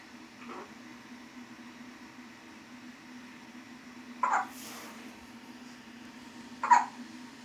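Three brief, sharp catching sounds a few seconds apart over a steady low room hum, typical of hiccups.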